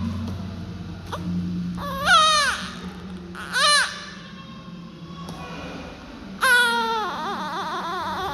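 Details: Newborn baby girl just after birth: three loud, rising-and-falling wails over room noise, a strong, vigorous first cry.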